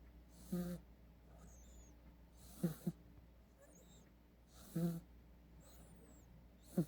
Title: 고양이 코고는 소리 / Snoring Cat Sound